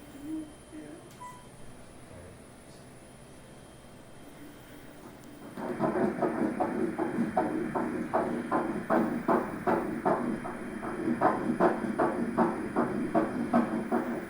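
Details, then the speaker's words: Fetal heartbeat on Doppler during ultrasound at 7 weeks 1 day, embryo about 1 cm: quiet room hiss, then fast, regular whooshing beats at about 158 a minute, a normal early fetal heartbeat. "e o nenê, coraçãozinho batendo. Vamos escutar o coraçãozinho."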